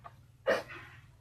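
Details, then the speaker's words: A person with a harsh, abrupt barking cough ("tos de perro," croup-like) gives a single cough in a quiet room and expects to recover within about two days: barking cough (croup). "Bueno, chicos, no voy a poder grabar videos porque dentro de unos días, porque por eso tengo tos de perro y no voy a tener ganas de subir videos porque voy a estar en los videos."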